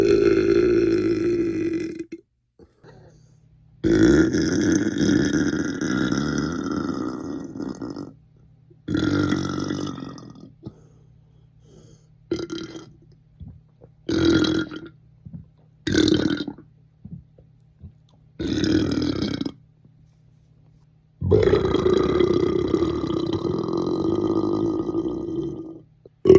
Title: comp of my loudest burps recently